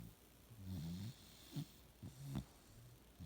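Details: Sleeping bulldog: low, rattling snorts repeating with each breath; snoring.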